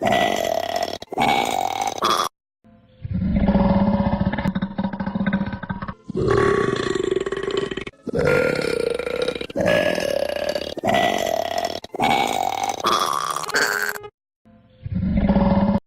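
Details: Several long, loud, deep burps in succession with short pauses between them; burping.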